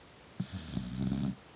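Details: A single low, rattling, throaty snore lasting about a second from a sleeping dog.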